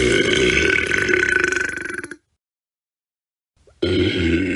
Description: Large compilation of burps. Use for YouTube videos or pranks!